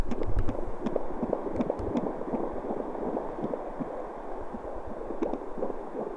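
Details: Fetal heartbeat at home on a portable fetal Doppler: fast, whooshing Doppler pulses, roughly 160 a minute.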